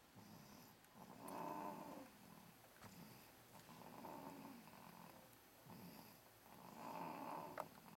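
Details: Soft, rough breathing noises rising and falling about every 2.5 seconds, roughly 24 breaths a minute, in a quiet room; snoring soon after going from screaming to sleep within 3 seconds.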